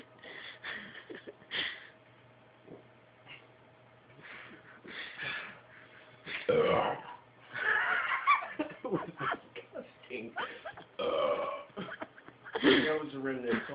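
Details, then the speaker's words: Several loud, long, drawn-out throaty belches made deliberately after chugging a drink, between talk and laughter, while trying not to wake parents; burping. "all right this is thomas making a very loud and long burp hopefully not to wake up my parents"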